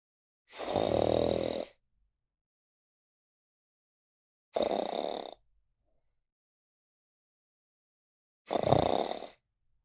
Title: 😴 “The Sleepiest Cat on the Internet (You Won’t Believe These Snores!)#funny #cats #shorts